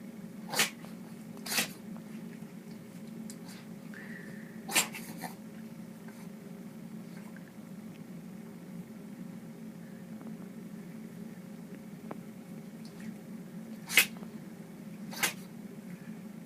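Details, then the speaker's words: Dog sneezing: five short, sharp sneezes over about sixteen seconds, with quiet room hum between them. "got the sneezers? Huh? You got the sneezers? Aw. You got the sneezers?"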